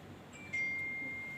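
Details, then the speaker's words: A struck tuning fork gives a clear, steady, high-pitched hum that slowly fades, used for Weber and Rinne hearing tests when examining cranial nerve VIII (vestibulocochlear) in a neurology exam. "Mana ada kayak gitu bunyinya? Bunyinya adalah dengungan."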